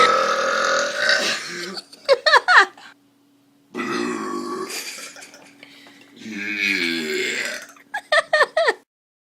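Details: Deliberate voiced belching by a person showing off: long, drawn-out belches with short bursts of laughter between; burping.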